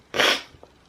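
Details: Adult with a cold, sore throat starting while in the Canary Isles; sneeze.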